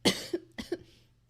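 Two short, sharp coughs about half a second apart.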